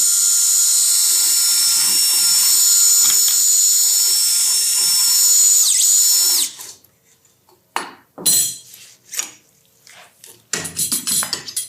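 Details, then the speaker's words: Steady high-pitched power-tool whine for several seconds, then short bursts, as a flexible reamer, starting with the smallest size, reams the tibial canal under a soft-tissue protector before Expert tibial intramedullary nailing; intramedullary reaming. "con ayuda de un protector de tejidos blandos protegemos la parte tendinosa y empezamos el rimado"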